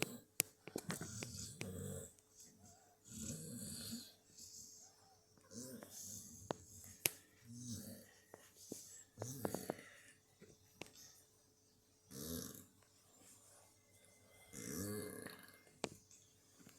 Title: my dog snoring (part 7😴😴😴😴😴😴😴